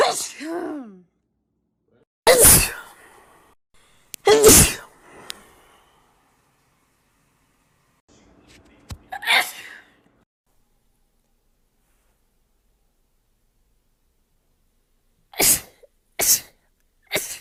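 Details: Compilation of a woman's rapid sneezes: several sharp sneezes in separate bursts, some preceded by a short in-breath, then three quick sneezes in a row near the end; repeated sneezing.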